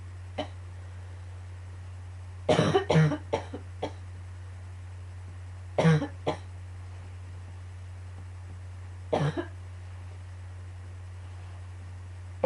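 Three bouts of harsh coughing, several coughs each, over a steady low room hum: recurring coughing fits.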